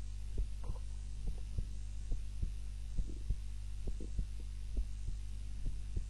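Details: Heart sounds recorded on a timer during a nap, lying on the back rather than the usual face-down position; soft regular paired heartbeats at about 67 a minute under a steady low hum, normal resting heartbeat.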